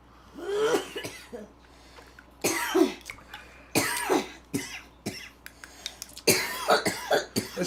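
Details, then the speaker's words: Several harsh, fairly loud, dry-sounding adult coughs and throat clearings in quick succession in the background of a live stream, over quiet room noise. "that's how you know it's an authentic talking with famous people live stream those are real live racial coughs it could be an imitation gwp live stream if you don't hear that coughing in the background"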